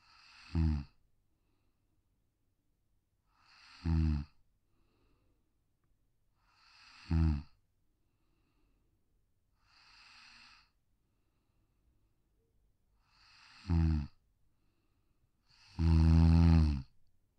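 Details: Sleeping Pug, a brachycephalic (short-muzzled) breed, on a deck: soft regular snores about every three seconds, roughly 20 a minute, with one louder snort; snoring typical of a short skull.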